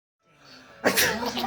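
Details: Father's sneeze that makes his baby laugh: a rising intake of breath, then one abrupt, loud sneeze, cut short at the end.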